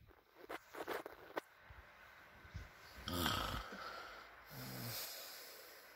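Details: Persian cat at midnight in the owners' bedroom, hearing the father's snoring.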